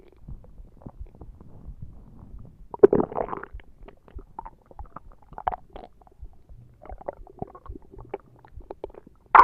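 Low, soft gurgles and brief rumbles from the belly, several in quick succession: ordinary stomach growling.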